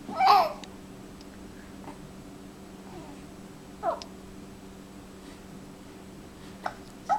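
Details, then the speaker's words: 11-week-old infant with hiccups: babble, then a few short, abrupt catches several seconds apart in a quiet room. "Do you have the hiccups? Ahmed, do you have the hiccups?"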